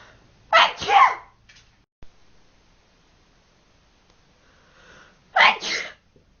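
Two loud, sharp sneezes a few seconds apart in a quiet room, each with a quick intake before the burst.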